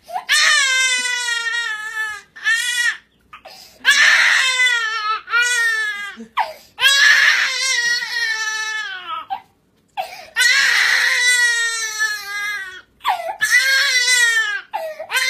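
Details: Infant cries loudly in long wailing bursts with brief gasping pauses, a vigorous ordinary cry; infant cry.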